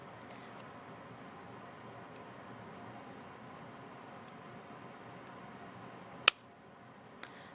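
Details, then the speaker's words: Omnipod tubeless insulin pump on demonstration (no patient), start pressed: one sharp click as needle fires cannula in at 45° in 1/1200 s, needle retracts into pump, then fainter click; cannula insertion before basal delivery. "that click that you heard the little canula came out at 1/ 1200s of a second it uh with a needle and then the needle is is absorbed back into the pump"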